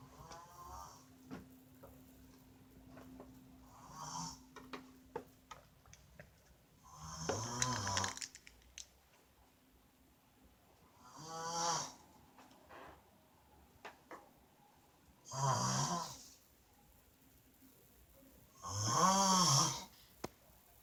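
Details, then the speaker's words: Snoring in an adult woman (wife) asleep: regular rough, fluttering snores roughly every four seconds in a quiet room. "Alright, y'all. Part two. She's snoring again."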